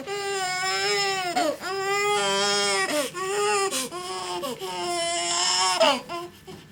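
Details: Loud, sustained crying of a newborn within the first 24 hours after birth, in hospital, in bouts with brief catches of breath between them; an ordinary healthy newborn cry.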